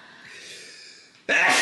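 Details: Adult man with allergies: a drawn-out, breathy inward gasp, then the sudden loud burst of a sneeze starting; gasping before a sneeze.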